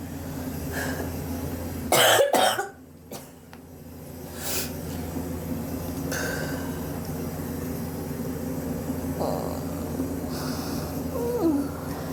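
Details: Short burst of two harsh coughs, then steady background hum; persistent cough over several weeks, self-suspected bronchitis, X-ray planned to check for pneumonia.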